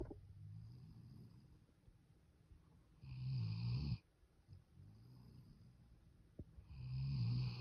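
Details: A napping puppy snoring: low, rumbling snores with louder bursts on some breaths, about 16 breaths a minute; ordinary sleep snoring.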